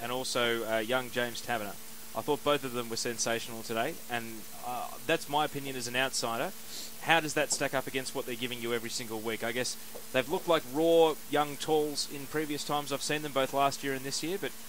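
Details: Adult male speaker; ordinary speech.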